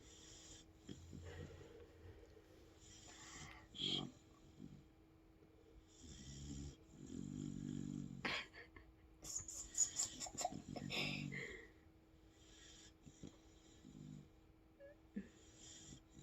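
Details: Dog asleep in the owner's arms: soft snorting snores with a few sharper nasal snorts and room noise; snoring.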